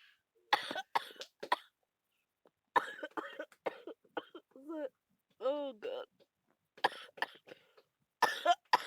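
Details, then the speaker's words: Clusters of short, harsh coughs with throat clearing and drawn-out groaning, from someone feeling very ill with a recurring bad cough and cold. "You might not know why I'm like this. It's because I still have the bad cough and colds again."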